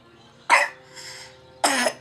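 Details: Young child with a persistent cough gives two sharp, forceful coughs with a soft breath between them while eating, then says it hurts; cough.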